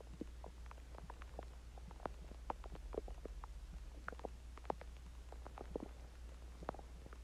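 Scattered gurgles and bubbling pops over a low steady hum: ordinary stomach growling from gas and fluid moving through the gut after eating.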